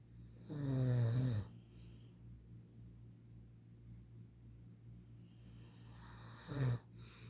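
Two low, rattling snores on inhalation about six seconds apart, with quiet breathing between; snoring.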